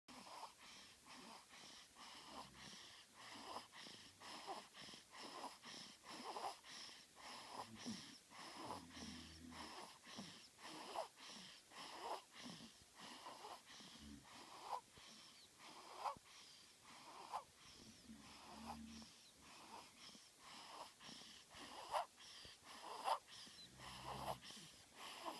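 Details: Two-week-old infant snoring: rapid, noisy snuffling breaths at about 52 a minute.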